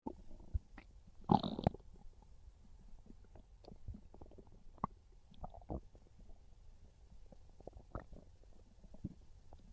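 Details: Low gurgling rumbles and bubbling pops from the belly, described as real hungry stomach growls craving pizza; hunger borborygmi (stomach growling).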